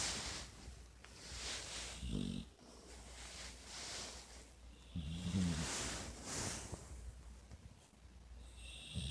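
Low, rumbling snores with each slow breath, about two clear ones over several seconds, over steady room noise; ordinary dog snoring in sleep.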